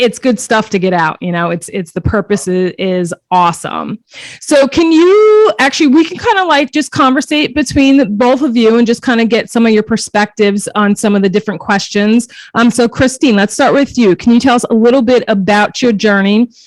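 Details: Adult speaker; typical speech.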